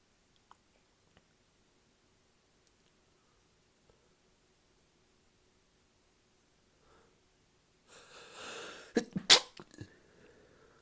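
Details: Adult's paroxysmal sneezing fit after drinking alcohol, which often triggers such fits for no apparent reason.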